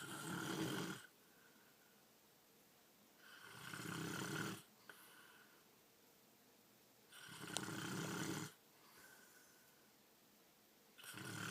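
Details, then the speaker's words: Adult man ("daddy") snoring in his sleep: loud, rough snores on each breath in, about 17 a minute, with quiet pauses between, in a small room. The person beside him finds it hard to sleep next to. "that how in the hell am I supposed to sleep next to that"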